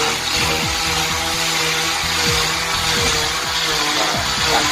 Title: Split cast for MRI